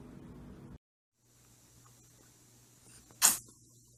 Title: Funny And Cute Sneezing Cats Compilation!